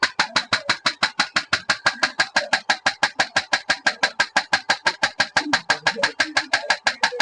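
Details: Rapid, evenly spaced mechanical taps at about two per second from the handpiece of an HL602 shock wave therapy machine running in automatic mode; device demonstration.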